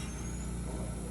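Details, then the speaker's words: Five-liter home oxygen concentrator running, a continuous home oxygen source for a nasal cannula or for bleeding into a ventilator: steady low motor hum with a faint high whine. "this is your continuous source of oxygen in the home. You can connect it to a ventilator where it's bleeding into the ventilator or you can connect it to a nasal canula."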